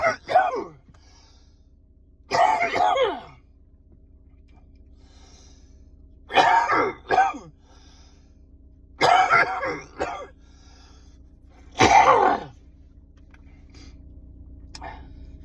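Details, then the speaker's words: Adult with a lung condition on medication, having a coughing fit in a stopped car: repeated harsh, wet coughs in clusters of one to three, about five bouts over fifteen seconds, with throat clearing, clearing mucus; productive cough. "just having a bit of a cough fit. body's trying to clear all the mucus."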